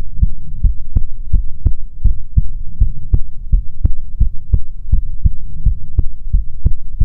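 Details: ASMR recording of soothing heartbeats: loud, regular lub-dub at about 85 beats a minute with a low hum behind it; heartbeat.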